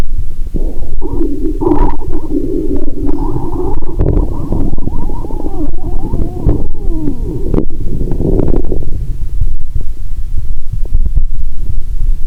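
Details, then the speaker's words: Gurgling, bubbling abdominal sounds with shifting squeaks and rumbles through a stethoscope, lying down after cola with Mentos; no sloshing or popping, perhaps too much liquid: active bowel sounds from gas and fluid. ""यह Chapo Chapo ध्वनि (स्लोश)🙇💦 बनाने के लिए प्रतीत नहीं होता है"। "शायद इसलिए कि बहुत अधिक पानी है, यह पॉपिंग साउंड नहीं लगता है🙇🙇🙇"।"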